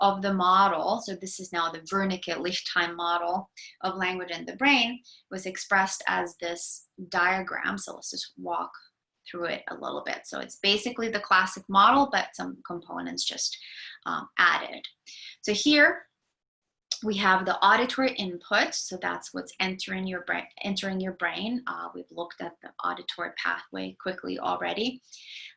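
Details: Adult speaker, lecture; normal speech.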